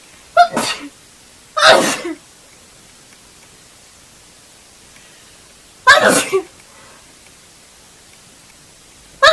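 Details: Red-haired girl's sneezing fit: four sharp sneezes in quick succession with quiet pauses between them.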